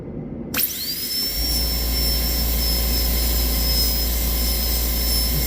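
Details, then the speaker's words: Steady high-pitched whine of a high-speed dental handpiece with a 330 bur deepening the proximal box of a maxillary first premolar class II DO amalgam preparation on a bench typodont, over low room hum. "Some people prefer to use the 145 bird but I prefer to use the 330 bird because it is uh safer for"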